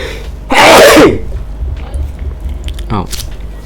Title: Sneezing #sneezing #နှာချေနေသည် #sneezingchallenge #fyp #foryou #khhfood #khhvlog